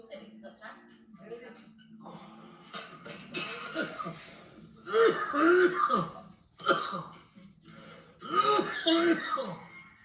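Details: Forceful cough: several loud, harsh coughing bouts with voiced, groaning strain and hacking between them; a deep, effortful cough.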